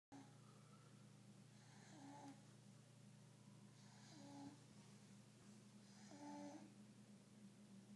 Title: Snoring baby